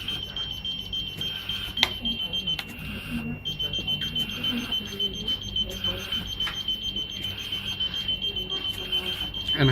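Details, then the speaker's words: SLE2000 neonatal ventilator alarm sounding while the alarm limits are widened before setting pressures: steady high-pitched tone with rapid pulsing over room noise and clicks. "هبعد الهاي واللو بتاع الالارم ليميتس. تبعدهم بمعنى ايه؟ ابعدهم يعني خلي ده على الماكسيمم وده على المينيمم عشان اقدر اظبط براحتي من غير الارم."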